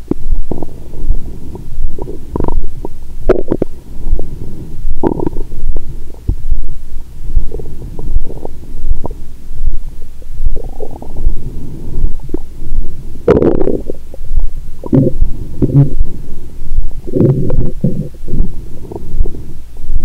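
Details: Bowel sounds from a woman's abdomen after a Christmas dinner with wine following a 22-hour fast.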